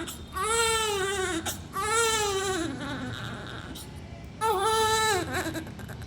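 Three thin, high-pitched cry bursts with brief pauses between; a premature, low-birth-weight newborn crying.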